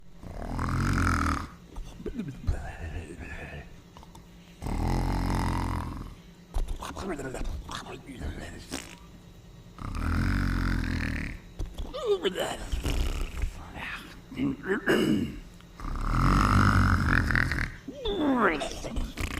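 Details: Sleeping cat snoring: loud, rough, low snores repeating with each breath, with quieter phases between them.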